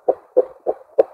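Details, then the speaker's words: Neonate in NICU, handheld Doppler over the radial artery with a manual cuff for systolic blood pressure; rhythmic whooshing pulses about 200 a minute, a normal arterial pulse signal. "and then slowly begin to increase your blood pressure cuff until the pulsation noise is lost once your pulsation noise is lost inflate your cuff to about 20 above this and then slowly begin to reduce"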